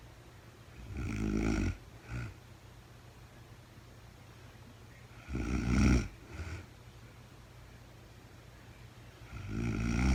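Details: Real-time recording of a woman sleeping, very tired, no talking: three low rumbling snores about four seconds apart, each with a brief trailing breath, about 14 breaths a minute; snoring during sleep.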